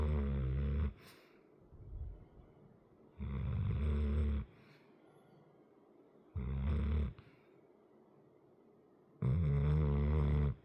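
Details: Large, muscular 100 lb dog with a chronic crusty nose, asleep: loud, low, rattling snores on each breath, about four in ten seconds; snoring.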